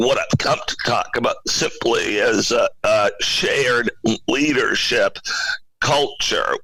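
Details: Spasmodic dysphonia in an adult male CEO: a very rare neurological voice disorder affecting only speech, with no known cause or cure, acquired suddenly in 2010.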